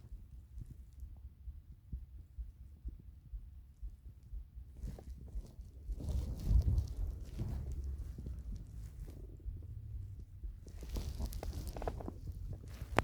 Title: 8 minutes of stomach growls